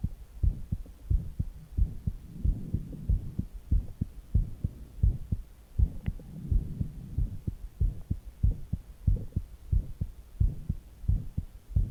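Steady, regular low heart thumps at rest, with soft gurgling stomach sounds drifting in and out.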